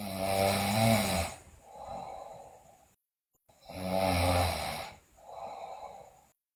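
Two loud snoring breaths, each a harsh rattling inhale followed by a softer breathy exhale.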